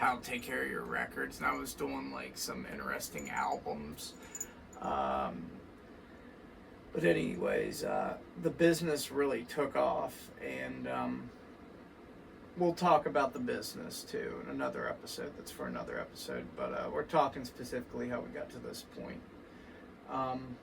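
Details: Adult man with vascular Ehlers-Danlos syndrome, which he says causes his voice, alongside muscle overgrowth from lack of myostatin, weakened tendons and ligaments, and constant dislocations; rough, creaky voice change in vascular Ehlers-Danlos syndrome.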